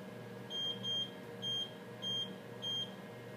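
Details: Student EKG skill demonstration: patient lying flat with electrodes placed, machine started to record a tracing; five short high-pitched beeps repeat about every half second over a low room hum from the ECG machine.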